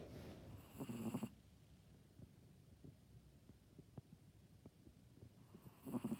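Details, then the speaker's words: A female pet dog sleeps on her back and gives two low, rattling snores on inhalation about five seconds apart, with quiet breathing and faint clicks between. Ordinary dog snoring. "Вот так лежит наша Мишка, как человек. И слышите, храпит."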